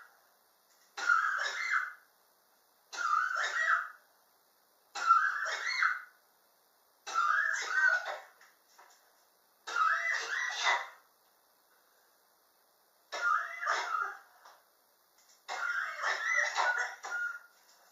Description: My prolonged cough which started summer of 2016. I am still coughing and its already 2019.